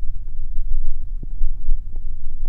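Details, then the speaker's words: Live manual blood pressure reading with cuff and stethoscope: after the muffled phase IV the Korotkoff sounds go silent, leaving a low steady rumble with no tapping beats; phase V marks the diastolic pressure. "phase four would be a muffled sound with phase five is silent so that would be your diastolic so take a listen"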